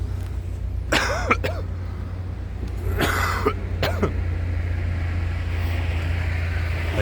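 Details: An adult recovering from flu has bouts of harsh coughing, about four to five coughs, over steady engine or road noise. The worst of the flu has passed, but the coughing fits persist.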